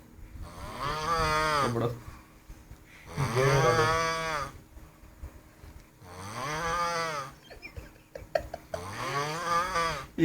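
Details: Adult snoring in sleep after drinking five pegs of Old Monk rum: loud, deep, droning snores on each in-breath, about 4 in ten seconds, with quiet pauses between; heavy snoring.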